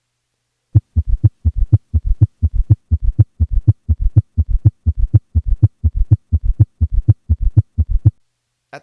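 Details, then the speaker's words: Same patient with S3 and S4, heart rate raised to 120 beats per minute: rapid galloping triple rhythm where the diastolic extra sounds have fused and can no longer be distinguished; summation gallop. "this point the extra sounds in diast have fused and it is no longer possible to distinguish one from the other or even be sure how many sounds exist"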